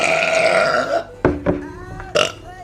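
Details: Woman burping during a live stream: a long voiced burp followed by a few shorter burps, with faint music behind; burping.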